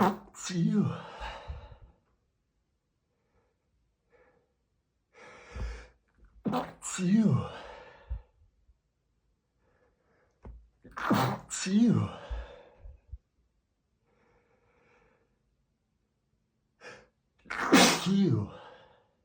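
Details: Male, dust exposure from cleaning: four stifled sneezes, each a quick indrawn breath then a muffled, half-suppressed burst, in a quiet room.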